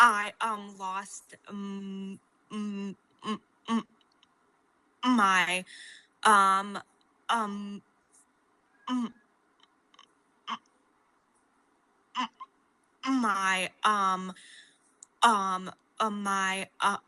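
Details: Adult woman with a stutter since age 4, a fluency disorder, with repeated blocks, prolonged 'mm' sounds and fillers before a word; stuttering.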